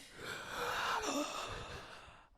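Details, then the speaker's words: An adult with asthma demonstrates an albuterol metered-dose inhaler; a soft airy hiss swells and fades over about two seconds, fitting a puff drawn in with a breath. "Hey guys, I just want to show you my new favorite product. It's called albuterol. Do ASMR, but just the puff."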